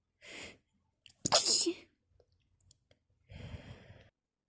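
A sharp inhalation, one loud wet sneeze with a spray-like burst, then a long breathy exhale; sneezing.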